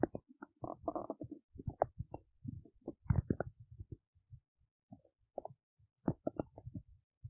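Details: Adult belly while digesting oats: irregular gurgles, squelches and low rumbles, active normal bowel sounds (borborygmi).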